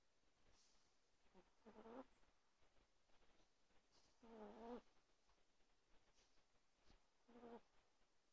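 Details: 1.2 kg chihuahua snoring loudly while sleeping under a blanket: soft, rhythmic snoring with a faint purring quality, about three snores at roughly 22 a minute, over quiet room noise.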